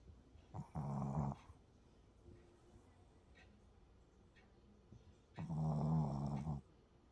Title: snoring puppy#shorts